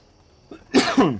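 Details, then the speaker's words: Short soft intake then two quick, harsh cough bursts from an adult gamer recovering from an ongoing cough, in a quiet room: brief double cough. "Excuse me. Still doing a little coughing. Sorry about that, guys."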